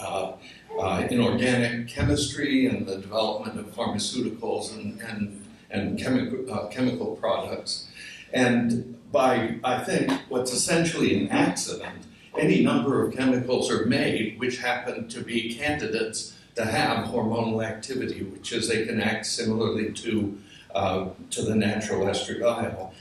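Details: Adult man with essential tremor that also affects his hands and ended his surgical work; voice wavers; voice tremor (essential tremor).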